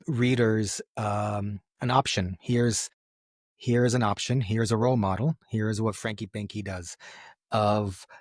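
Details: Adult man who has stuttered since age 4, with a stutter that goes up and down and that he lets happen rather than hiding it; stuttering.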